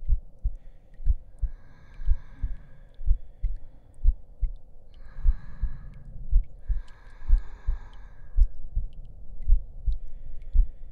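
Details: Heartbeat in an ASMR roleplay audio: steady soft low thumps at roughly 56 beats a minute with faint breathy sounds over it.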